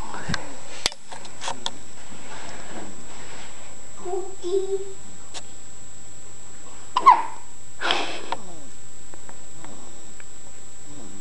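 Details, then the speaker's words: Infant girl with hiccups: several brief, abrupt hiccup sounds in a quiet room, with soft vocal noises between them. "Oh, baby's hiccups. Oh."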